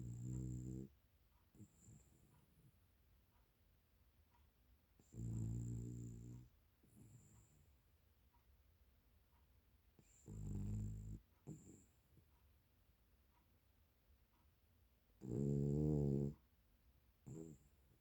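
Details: Dog snoring while cuddling with a cat: low, rumbling snores every few seconds, about 12 a minute, with quiet breathing between and a faint high tone behind.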